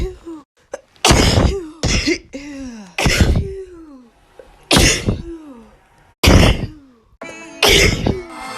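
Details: About six sneezes, each preceded by a rising, drawn-in 'ah' and ending in a sharp explosive burst: sneezing.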